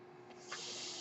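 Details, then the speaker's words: Speaker's own mechanical ventilator heard while the user talks during a podcast recording: a low steady hum, then a sudden rush of airy hiss halfway through that holds steady; a mechanical ventilator breath cycle. "that noise you're hearing is my ventilator"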